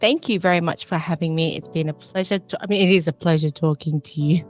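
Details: Foreign accent syndrome in a woman, a nurse from Melbourne, Australia, with functional neurological disorder (FND); she says she ends up sounding English, has daily FND flare-ups and sometimes cannot talk.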